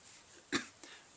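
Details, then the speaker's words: A single short, sharp cough from an adult with self-suspected, not yet officially diagnosed Tourette syndrome; coughing is one of their vocal tics, done on a sudden urge. "vocal tick that I have is is coughing um which I have it a desire to do right at that second"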